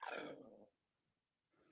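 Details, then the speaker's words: An adult's hungry stomach gives a brief growling, gurgling rumble lasting under a second, then quiet; ordinary stomach rumble (borborygmi) from not having eaten. "Somebody needs to eat something. Whose tummy's rumbling? That was me."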